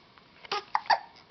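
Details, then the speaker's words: Infant boy with frequent hiccups, also had them in the womb, being burped by his father: two or three short, sharp, voiced catches in quick succession in a quiet room; hiccups. "you get the hiccups a lot now you got hiccups when you were in your mom's tummy you did and now all the time and now you're getting them again and again and again and again"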